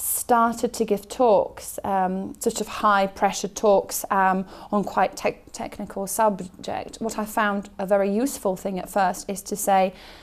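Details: Stuttering in an adult who stammers and gives high-pressure technical talks; part-word repetition heard.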